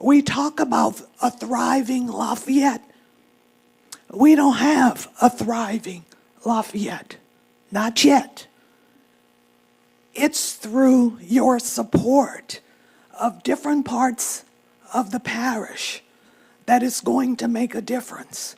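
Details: Adult woman who states she has spasmodic dysphonia; spasmodic dysphonia.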